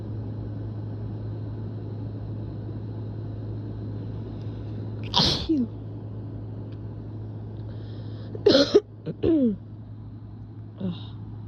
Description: These were so strong I coughed partway through the video cus it hurt my throat